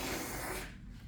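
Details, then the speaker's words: Nurse checking suction before tracheostomy suctioning a patient with a non-fenestrated cannula: brief gurgling, hissing slurp of water through the suction catheter, then quieter airflow. "I want to make sure that I actually have suction so I'm going to suction a little bit of water"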